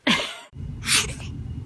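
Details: Infant sneezing: a short, sharp sneeze burst, then a second explosive sneeze, with brief background noise; normal infant sneeze.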